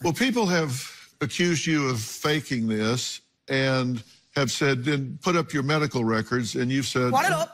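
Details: Adult male speaker; typical speech.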